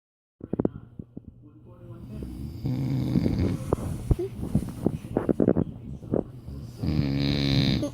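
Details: Father snoring while a child kisses him to stop it: loud, rough, low buzzing snoring breaths mixed with the child's voice and kissing sounds close by.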